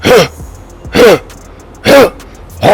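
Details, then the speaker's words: A person imitates a dog's repeated harsh, honking, persistent cough to demonstrate kennel cough in dogs. "You know, the dogs will cough a little from time to time, but if you have a persistent cough, and I know if I'm allowed to demonstrate what a dog's cough is like, you hear the dog going,"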